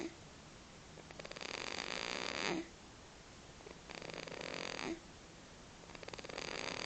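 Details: Baby snoring: soft, hissing, rasping breaths about every two and a half seconds, roughly 24 a minute, with quiet room between; gentle snoring.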